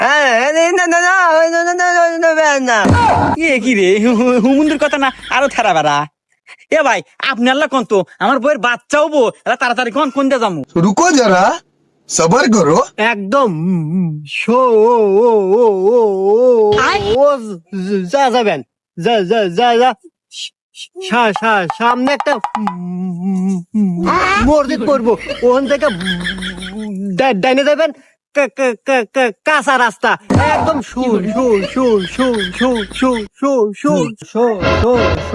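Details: Apparently acted stuttering by a man giving directions in a comedy skit, with repeated syllables seemingly performed for humour; stuttering (acted).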